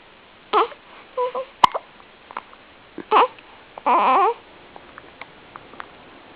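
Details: Infant hiccups after feeding: short, abrupt voiced catches, about five in six seconds, with faint infant vocal sounds between them.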